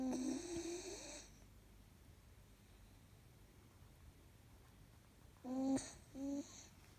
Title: 4 month old husky puppy snoring